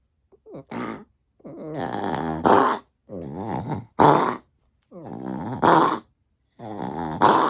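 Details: A dog with a persistent cough gives four repeated coughing bouts, each a drawn-out honking, gagging strain ending in a sharp, harsh cough burst.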